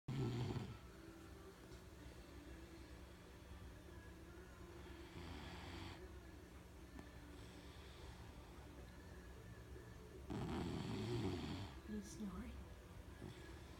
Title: Snoring